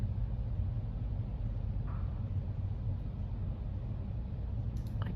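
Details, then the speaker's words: Simulation of average-level talkers heard through one person's moderate bilateral hearing loss without hearing aids: only a low, muffled rumble with no intelligible speech. "so we can also go over here to a simulator so we can actually hear what it sounds like with her hearing loss"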